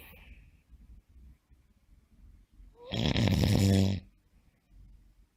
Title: The sound of snoring during sleep